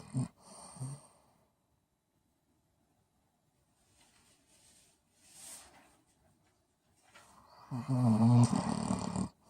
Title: Mally Boo snoring away